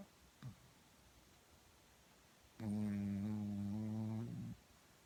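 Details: Sleeping dog snoring, recorded on a phone with background noise: a soft snort, then one long, steady, buzzing snore over faint room noise.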